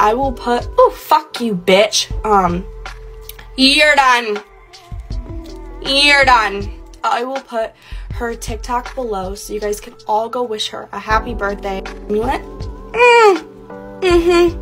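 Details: Tourette syndrome vocal tics with coprolalia, including rhyming word-chain and obscene tics, in a young woman diagnosed at the Mayo Clinic at 18 and 19 at one point. The compilation traces tic progression, with background music.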